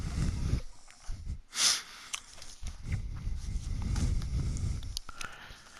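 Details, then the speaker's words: Low, rough rumbling snoring breaths in the background from the speaker's sleeping pregnant partner; snoring. "I don't know if y'all can hear it, but that's my girl snoring in the background."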